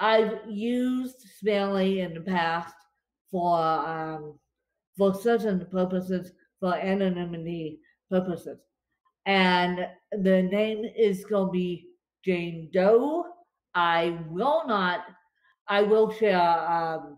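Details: Adult woman with cerebral palsy affecting limbs and brain, speaking after a bad spasm day and describing her speech as tongue-tied today; dysarthria (cerebral palsy).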